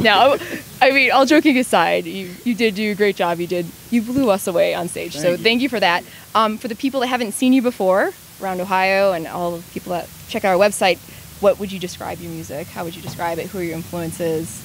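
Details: Adult interviewer; Normal conversational speech.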